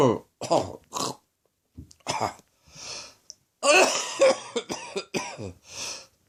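A run of about ten harsh, partly voiced coughs with throat-clearing quality, in short clustered bursts; persistent cough from a throat infection.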